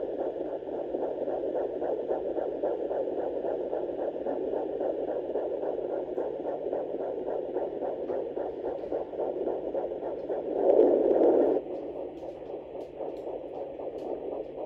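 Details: Fetal puppy heartbeats on Doppler in a pregnant Morkie dog at 6 weeks, her second litter: rapid, rhythmic whooshing pulses.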